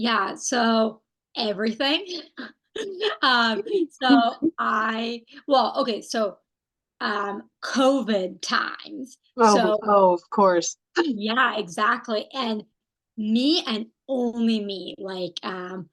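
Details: Non-fluent, agrammatic aphasia in a woman who had a stroke at age 27, with right-sided weakness.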